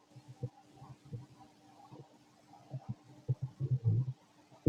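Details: Fit male's stomach growling while digesting, very loud: low gurgles and bubbling rumbles in irregular bursts, loudest toward the end; ordinary digestive bowel sounds (borborygmi).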